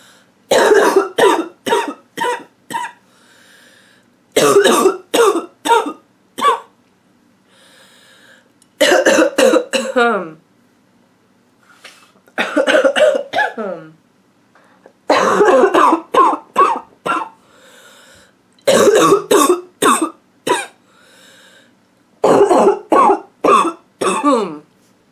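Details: Adult woman with a nonstop barking cough: repeated harsh, forceful cough bursts in clusters of two to five, with brief pauses between fits.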